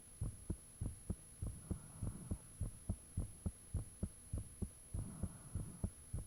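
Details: Self-recorded heartbeat with fan off, taken shortly after the heart began feeling unusually thumpy: loud, regular low thumping in paired beats at about 100 a minute over a faint steady hum; valve and blood-rushing sounds reportedly audible.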